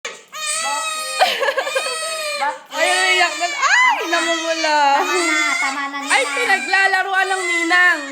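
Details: Baby girl crying, possibly hungry: loud, long, high wailing bouts broken by brief gasps for breath.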